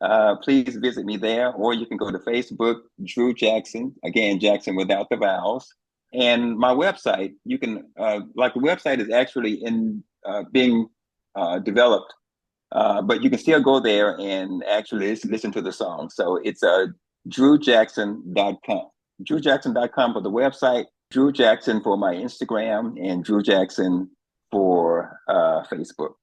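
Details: Adult man speaking; typical speech.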